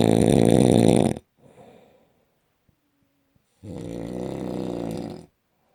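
Two loud, buzzing snores separated by a quiet pause with a softer breath between; heavy snoring.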